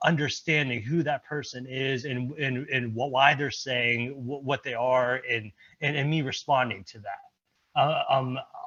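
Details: Stuttering in a presenter at a stuttering-community event, speaking during an improv presentation; repetitions heard.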